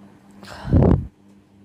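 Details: A single short sneeze-like burst with a sharp intake of breath before it, during a sneezing and nose-blowing challenge; sneeze.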